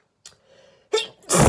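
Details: Adult woman's intense sneezing fit attributed to flower allergy, filmed Christmas morning: a short intake then two explosive sneezes in quick succession.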